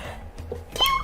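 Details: A short, light, high-pitched sneeze with a quick indrawn breath before it from a woman doing her makeup, over faint background music.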